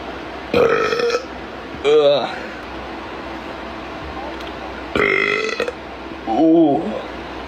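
Four loud, drawn-out, throaty belches with rough voiced rumbling, spaced over several seconds: repeated burping.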